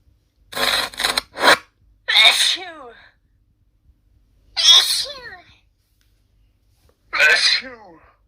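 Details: A run of three loud, sharp sneezes with voiced trailing tails, a normal reflex clearing the nose.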